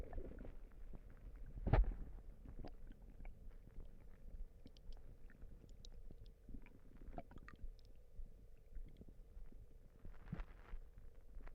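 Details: Stomach rumbling (borborygmi).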